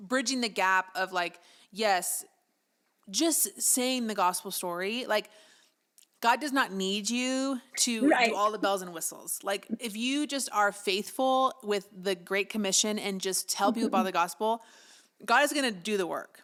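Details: Adult woman speaking; normal speech.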